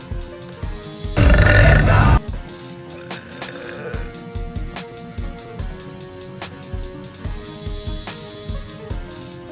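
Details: A young woman gives one loud, low, rumbling belch about a second long over steady background music; burp.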